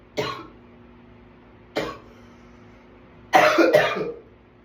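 Four sharp coughs in about four seconds, the last two close together, in a quiet room with a faint hum.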